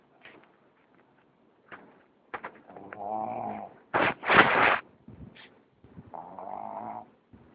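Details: Pug snoring: irregular snorting, rumbling breaths with a few sharp snorts from a small dog; noisy snoring breathing.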